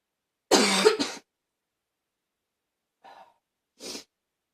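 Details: One harsh, loud cough burst followed by two softer coughs: a barking cough.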